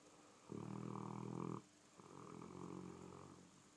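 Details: A large dog, sleeping as he often does, snores in a quiet room: two loud, rumbling breaths, a harsh buzzing inhale followed by a softer one.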